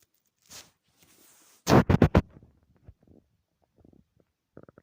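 Loud gurgling stomach growl in a quick burst of low rumbles, then softer trailing gurgles; ordinary bowel sounds.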